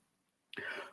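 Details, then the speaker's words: Adult man lecturing with a strong flu and a nasal voice gives a single short, harsh cough burst after a moment of quiet room tone; cough. "Perdão, desculpem, eu estou com uma gripe muito forte, desculpem, por isso que minha voz está meio fanhosa e eu estou, às vezes, tossindo um pouquinho, perdão."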